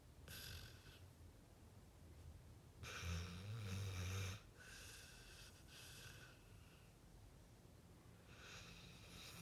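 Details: Sleeping pit bull dog: low, rumbling snores over steady background hiss; snoring.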